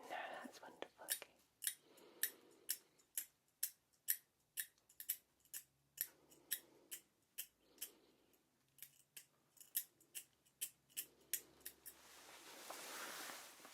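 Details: Simulated ASMR dental cleaning role-play for a nervous patient needing scale removal after a checkup: quick, repeated sharp picking and scraping clicks from a hand dental scaler on an area with heavy buildup, with soft breathy pauses.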